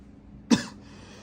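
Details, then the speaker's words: Adult son gives a single short, sharp cough in a quiet room, acted for a comedy skit, then tells his mother he is not sick, just clearing his throat; cough. ">> Sen hasta mı oldun? >> Yok anne ya, hasta değilim. Boğazımı temizliyorum."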